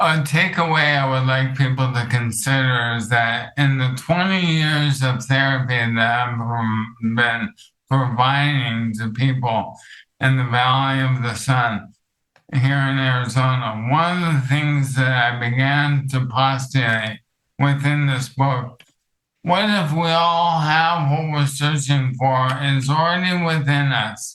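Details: Dysarthria from ALS in an adult male counselor; ALS affects his vocal cords, makes long talking difficult and has reduced speech clarity.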